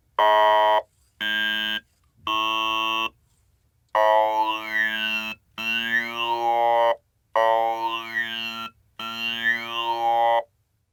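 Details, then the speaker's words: Electrolarynx driving a three-tube vocal-tract model (VTM-S20): steady buzzy mechanical tones in seven bursts, later ones shifting vowel colour as the inner constriction is moved, producing different vowels. "thus you can see that different vowels are produced depending on the location of the constriction"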